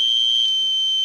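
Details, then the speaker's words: Simulated cricket-type tinnitus: two tones played together as a cricket sound, crickets lying roughly between 2,000 and 4,000 hertz. "Here they are together as a cricket sound. Crickets are usually found from anywhere from 2,000 hertz to about 4,000 hertz."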